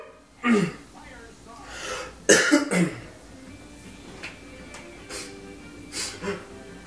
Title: Every time I sneeze three times